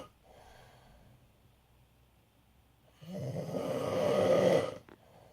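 Loud, rough, rattling snore on breathing in after a quiet breath out, in a small room.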